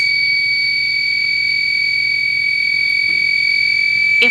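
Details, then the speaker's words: Left ventricular assist device low flow alarm, with a red heart and "low flow" shown on the controller: a steady high-pitched continuous tone with a faint low hum, signalling reduced pump flow. "the low flow indicator on this device is going to be this heart it's going to show up red and on the screen it's going to say low flow call hospital contact if that's the case we want you to call bad coordinator and look for some advice"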